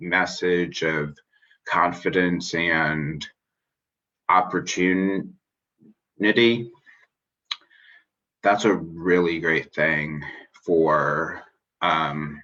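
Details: Stuttering in an adult man who identifies as a person who stutters; finding: stuttering.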